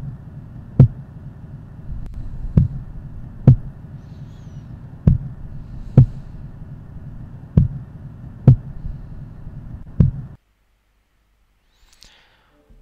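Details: Normal heart sounds (S1 and S2).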